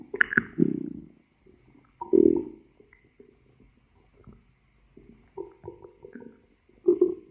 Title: Stomach growl